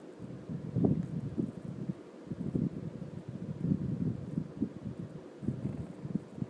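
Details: Stomach growling while digesting 4 sodas and 2 slices of cake: irregular low rumbling and gurgling bowel sounds.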